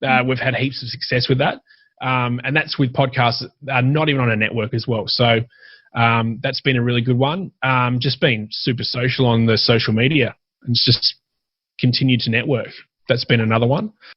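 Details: Adult man speaking; Normal conversational speech.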